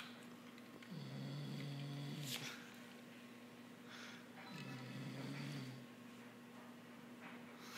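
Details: An adult man snoring late at night: two long, low rumbling snores on breathing in, about eight breaths a minute, over a steady room hum.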